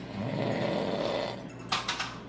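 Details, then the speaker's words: Adult husband snoring in sleep: a loud, rough, rattling breath sound with a brief snort near the end; snoring. "And so does my 14-month-old. So cute, with the loudest damn snore."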